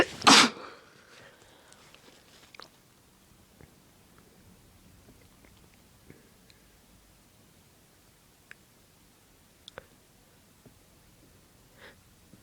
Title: Induced Sneezing and Noseblowing - Part 1